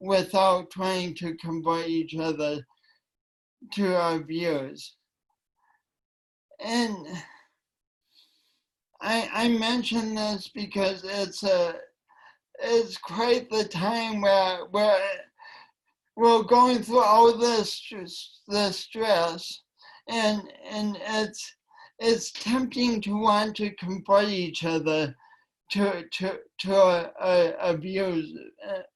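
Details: Woman with a long-standing speech impediment affecting her voice and coordination, which she denied for years; speech impediment.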